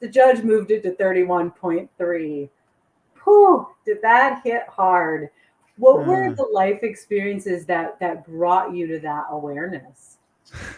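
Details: Adult woman; unaffected speaker.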